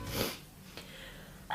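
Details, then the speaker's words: Woman's single sharp sneeze, followed by a brief sniff and quiet breathing; an ordinary sneeze. "don't you just hate when you're around people you don't really know and you can't fully go for a sneeze you can't fully commit into the sneeze so you kind of withhold your sneeze"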